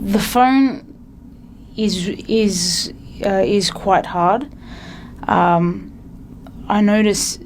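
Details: Adult from New South Wales, Australia, who stutters, with frequent interjections and repetitions: stuttering.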